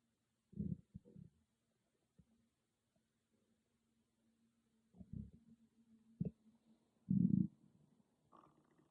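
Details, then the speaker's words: Person's stomach growling recorded on an iPhone without an ASMR microphone: several low gurgling rumbles separated by quiet gaps; ordinary borborygmi, a normal bowel sound. "Hey growlers, I just want you to see how loud my stomach could get with no ASMR microphone, just an iPhone um, audio."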